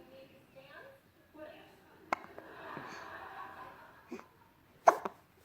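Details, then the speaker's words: Baby with hiccups while the mother talks to it: several short, sharp infant hiccup catches among quiet soft voicing in a small room. "हाँ ज़्यादा बात नहीं करना, हिचकी आ जा रही है, हिचकी आ रही है ना, हिकअप्स आ रहा है ना बब्बी को, हिकअप्स आ रहा है ना मेरी बेबी को।"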